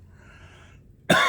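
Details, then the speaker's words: Adult with cough, suspected acid reflux after a scope showed redness at the top of the esophagus; a quiet breath, then the abrupt start of a single loud, harsh cough that is cut off, triggered by talking. "Sorry, I'm going to be coughing a lot because all this talking is going to make me"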